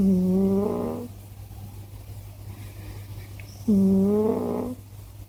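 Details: Two loud, buzzing, whistly snores about three and a half seconds apart over a low hum, from a sleeping Scottish Fold cat whose owner wonders why it snores so much.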